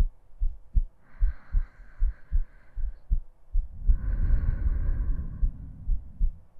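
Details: An adult woman's normal heartbeat, recorded with her breathing in a 45-minute ASMR sleep-aid recording with no talking.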